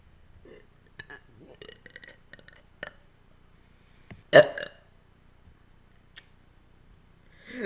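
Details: A short belch amid quiet clicks and small mouth sounds; burping, recorded as a longer burp video made on request.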